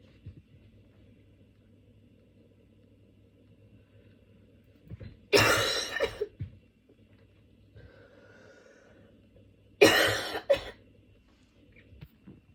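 Two harsh, forceful coughing bursts, each with a few quick coughs, separated by quiet breathing; a cold cough.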